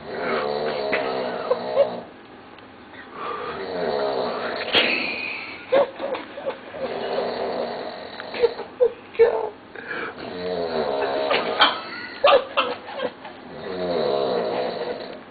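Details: Loud, rough, rattling snores recurring with each breath, some with a groaning voiced quality, from someone passed out asleep after a party at about 4:30 in the morning; heavy snoring.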